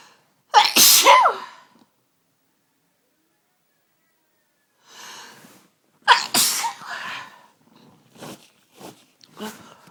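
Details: Sudden Sunday-evening sneezing fit that began within the last hour: two loud, forceful sneezes, each after a sharp intake, followed by softer sniffs and breaths.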